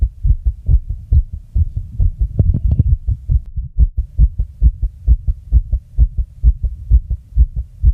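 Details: Person's own fast heartbeat: rapid, regular low paired thumps at about 130 beats a minute with faint background hum, tachycardia.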